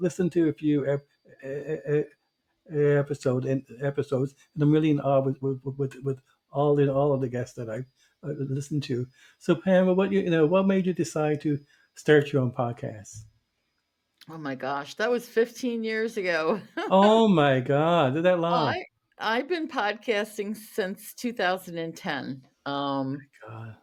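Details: Stuttering in an adult man who stutters, formerly a covert stutterer for many years; real, not acted.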